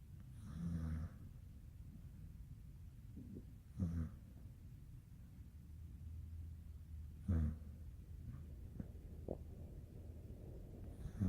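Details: Pumpkin, a Nigerian Dwarf goat, is in deep sleep on her owner's lap and gives soft, low, rattling snores a few seconds apart with quiet breathing between them: snoring.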